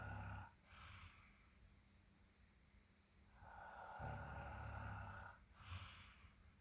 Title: Quite snoring